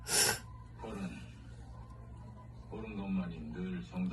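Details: Single sharp, explosive sneeze from a wide-nosed person, followed by speech in another language over a low steady hum.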